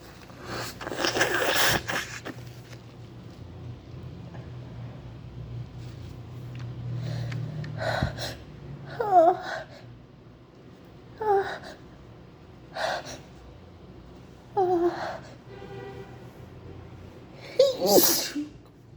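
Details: Repeated sneezing, possibly allergic per hashtags: a run of about six sneezes, several starting with a drawn-in 'ahh' before a sharp explosive burst, in a quiet room.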